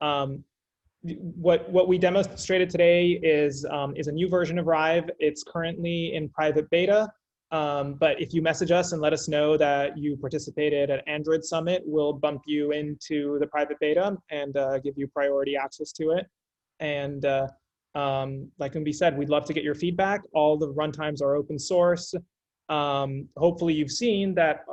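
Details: Adult male speaker; normal speech.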